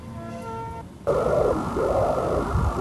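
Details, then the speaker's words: Normal lower-limb venous pulsed Doppler flow during a colour duplex exam of the leg veins: flow shows respiratory modulation and is abolished by Valsalva, indirectly indicating vein patency. "endoplaire pulsé retrouve les modulations ventilatoires l'épreuve de Valsalva annulant le flux est positive témoin indirect de la perméabilité"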